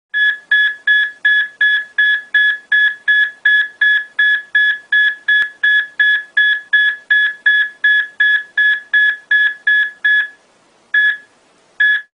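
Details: Ventricular tachycardia on an ECG monitor: rapid, regular monitor beeps at about 160 per minute, one per heartbeat, pausing briefly near the end.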